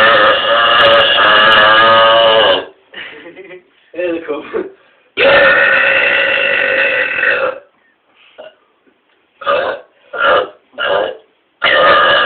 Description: burping loud and powerfully